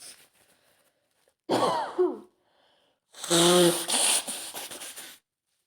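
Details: Female with a head cold and congested nose, sneezing at home: quick indrawn breath, then two forceful sneezes with high, squeaky voiced endings in a quiet room.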